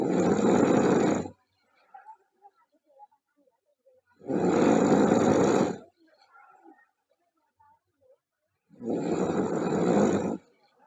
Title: Loud Snoring Girl